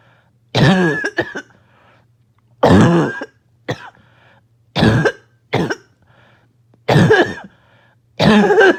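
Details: A coughing fit set off by an itchy nose and throat: loud, harsh coughs in repeated fits, strained and choking between bursts; a barking cough.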